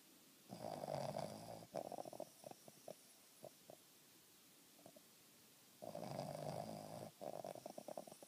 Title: Banner (Boston terrier) snoring!!